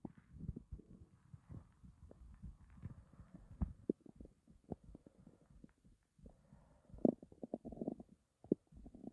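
Low, irregular gurgling and rumbling with bursts of bubbling; stomach growling from an empty, hungry stomach.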